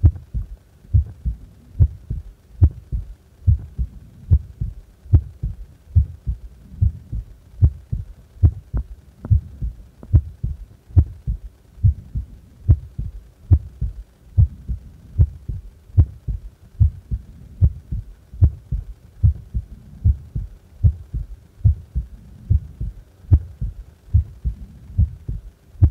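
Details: Steady paired low heart thumps at about 73 beats a minute; normal heart sounds at complete rest.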